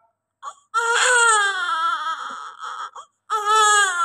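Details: Newborn baby crying just after birth delivery: loud, sustained, vigorous long wails, a normal healthy sign.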